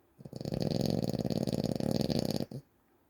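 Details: Snoring recorded February 2025: one long, loud, rattling snore lasting about two seconds, with a fast flutter through it, in a quiet room.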